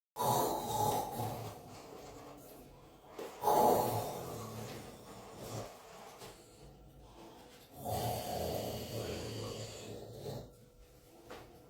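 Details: Adult woman snoring: three loud, rough snoring breaths, each followed by a quieter exhale; heavy snoring.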